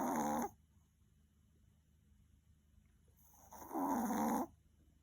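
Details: Maltese dog, exhausted after many walks, sleeping: two loud rasping snores about three and a half seconds apart with quiet between; ordinary snoring in a small sleeping dog.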